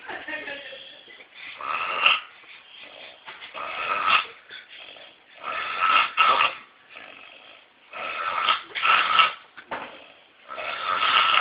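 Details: Man snoring: repeated harsh, raspy snores with some whistling tone, about one every few seconds; noisy snoring during sleep.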